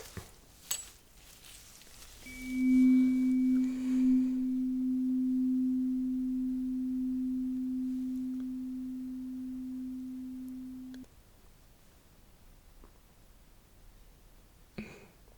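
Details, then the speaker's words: Simulated ear-exam roleplay, tuning fork hearing test: a pure, steady tuning-fork tone rings about eight seconds then stops abruptly; listener checks whether vibration and sound are felt and heard equally on both sides. "ou'll also pay pay attention to if you can actually feel this vibration and here the sound uh equally on both sides okay good"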